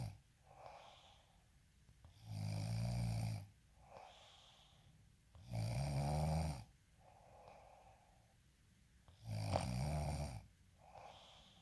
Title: snoring asmr sound 14